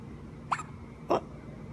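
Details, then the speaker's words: Infant boy with hiccups: two short, sharp hiccup sounds about half a second apart against quiet room noise. "looking at those hiccups. Who's got the hiccups?"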